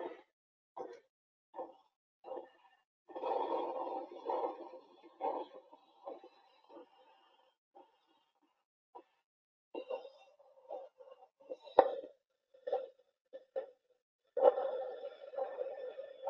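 Rhythmic Doppler pulse whooshes near 80 a minute grow faint and sparse during a Valsalva strain, then return; imitated falling cardiac output.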